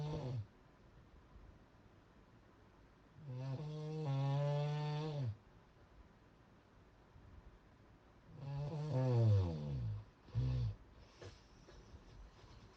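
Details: Heavy snoring: loud, rough, drawn-out snores with a deep vibrating tone, separated by quiet pauses, about 12 a minute.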